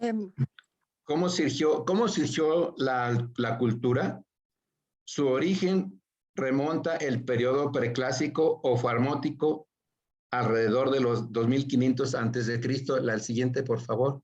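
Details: Aphasia after acquired brain injury (stroke) in a man attending an art history workshop for people with aphasia, giving a Spanish-language presentation; broken, disordered phrasing; aphasia.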